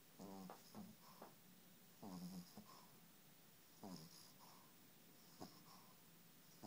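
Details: Sleeping puppy Rosie snoring: soft, rattling snores recurring every couple of seconds, about 30 a minute, over quiet room hiss; ordinary snoring.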